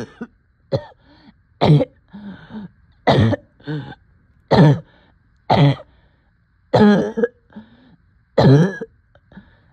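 Repeated single harsh coughs, about nine in ten seconds, with short breathy gasps between them.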